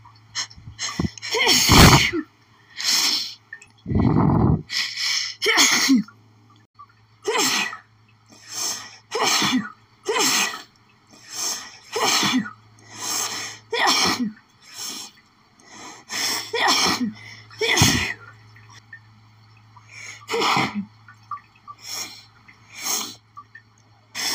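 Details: Adult sneezing about twenty times in quick succession after sniffing lilies, a rapid allergic sneezing fit; suspected pollen allergy.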